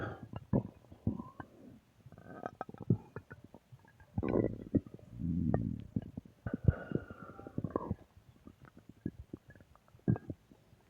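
Irregular low gurgles, rumbles and squelching pops from the belly; ordinary stomach growling from gas and fluid moving through the gut.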